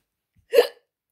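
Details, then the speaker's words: Single short, abrupt voiced hiccup in someone who says hiccups are coming and that they happen most when eating and talking; hiccup. "hiccups hiccups are coming I'm sorry just ah okay if I'm near my phone I'm getting up sorry"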